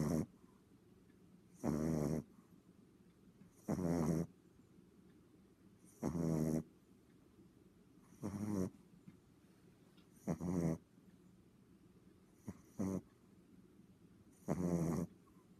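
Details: Loud, rough snores in regular bursts about every two seconds with quiet pauses, from a pet snoozing on the owner's lap; heavy snoring during sleep.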